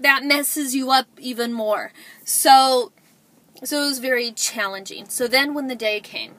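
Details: Adult woman who describes herself as a stutterer; stuttering.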